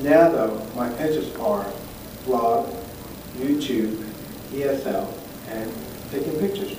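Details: Aphasia in an adult male stroke survivor who has had three strokes, speaking spontaneously.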